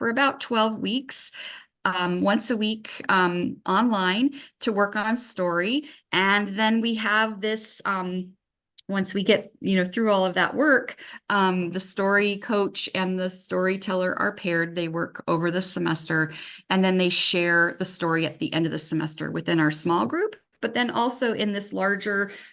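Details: Adult woman speaking; normal speech.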